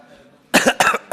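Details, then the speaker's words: Adult man with a hoarse voice at the start of a speech: two short, forceful throat-clearing coughs after a moment of quiet. "Saya pikir tadi saya cukup segar suaranya. Rupanya pas ngomong kerasa jadi serak kedengarannya."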